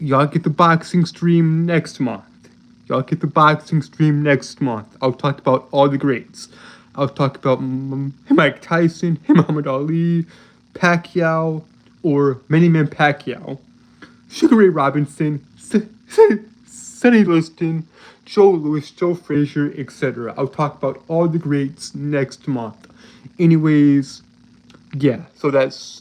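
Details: Adult male with self-reported speech impediment that makes him stutter and trip over his words, stuttering throughout; stuttering.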